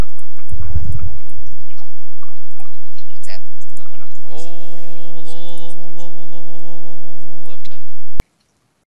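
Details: A single tonal snore from a sleeping friend heard over a Skype call: a brief low rumble, then one long, steady buzzing tone lasting about three seconds.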